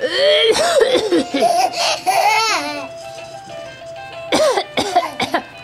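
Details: Children deliberately coughing and laughing at it: brief voluntary coughs with high-pitched laughter and a steady background tone.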